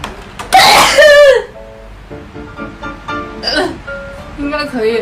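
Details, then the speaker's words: A Taiwanese young woman undergoing a nasal swab test gives a sharp voiced sneeze burst induced by the swab, then soft vocal sounds over background music; sneeze. "我打喷嚏，太难受了。"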